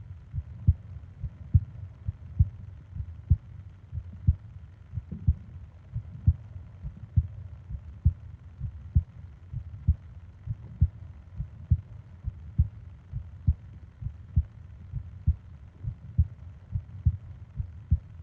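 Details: Japanese sleep ASMR recording of heartbeat and breathing sounds, 20 minutes long: regular soft heartbeat thumps at about 67 a minute, even rhythm; normal heartbeat.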